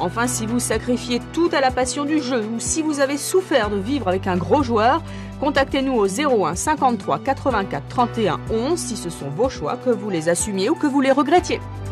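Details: Adult woman; normal speech.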